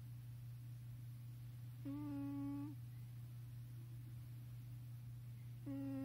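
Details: Snoring from Saki, a pet (likely gecko, unstated) with a slightly tight nasal passage that makes her produce lots of noises while breathing: snoring.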